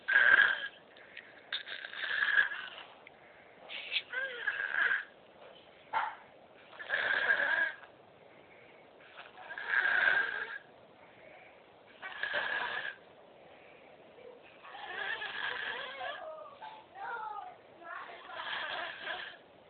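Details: Baby snoring: soft, raspy noisy breaths repeating about 24 times a minute, recorded on a mobile phone.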